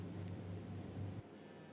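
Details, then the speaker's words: Knee MRI scan: a repeated localizer sequence, run again because the first images were unclear and taking about 10–15 seconds, gives a steady low droning hum that stops abruptly; normal MRI scanner operation. "यह जो image है अगर यह clear नहीं आती है तो हम लोकलाइजर को रिपीट कर देते हैं वह थोड़ा सा टाइम लगता है 10 सेकंड 15 सेकंड"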